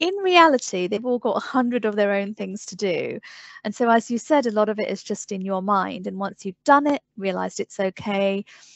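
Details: Adult woman speaking; Normal fluent speech.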